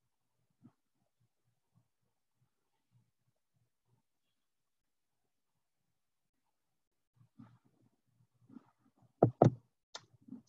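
Quiet low rumble with faint rhythmic clicks, then louder clanks and knocks: train interior noise as a normal-hearing listener hears it.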